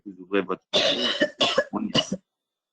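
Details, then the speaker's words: Brief voiced sounds, then about three harsh, noisy cough bursts from an adult on an open microphone during an online meeting. "si c'est la personne qui tousse pouvait couper son micro pour l'enregistrement ce serait plus confortable"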